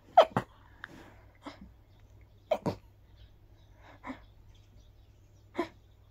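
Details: Breathy sneezing with grass pollen allergy after a walk in the park.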